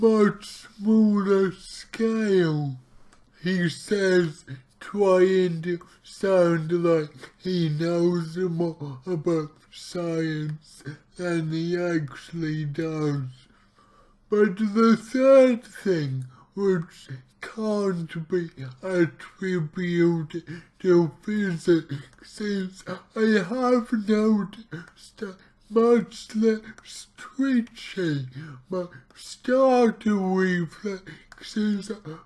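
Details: Man with cerebral palsy, about two weeks into trying a keto diet to see whether it affects his CP; real speech, heavily distorted; dysarthria (cerebral palsy).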